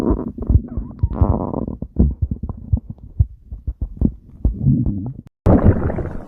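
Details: Person's stomach growling, from a compilation recorded 2025–2026: borborygmi.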